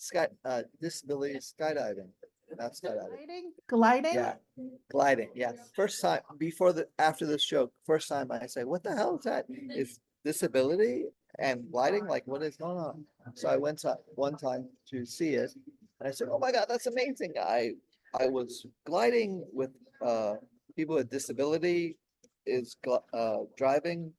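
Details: Adult man 16 years after a stroke during heart valve surgery, with post-stroke aphasia; he could say only one word for about a year at first and still has word-finding difficulty.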